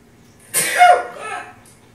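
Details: A single sharp, explosive burst with a brief tail, from a sneeze compilation being reacted to: a sneeze.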